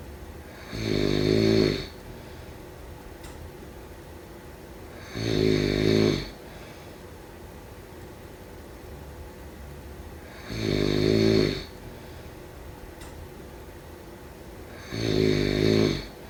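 Four buzzing, vibrating snores on slow in-breaths, about 14 breaths a minute, with quiet pauses between.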